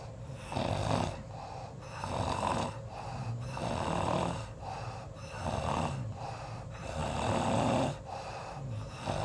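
Rough, rattling snores at about 37 a minute, alternating with quieter breaths, over steady room noise.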